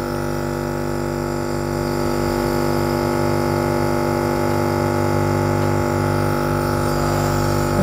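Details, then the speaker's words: Nebulizer compressor running during a treatment demonstration, medication vapor inhaled through a mouthpiece: steady mechanical hum with a constant low drone. "now I'm going to give you a demonstration of how this works what you want to do just turn on the machine it's loosely vapors coming in here"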